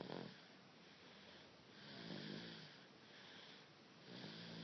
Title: Baby snore...